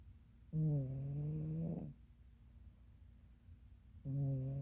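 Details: Two long, buzzing snores about three and a half seconds apart, quiet between breaths, from a female Norwegian Forest Cat napping; snoring.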